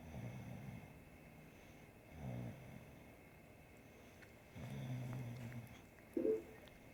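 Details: A sleeping bulldog snoring while a three-legged cat bathes it: three rough, low snoring breaths and a brief sharper snort near the end.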